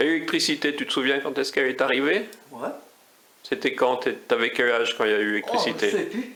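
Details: Adult speaking French, possibly with a second speaker; speech.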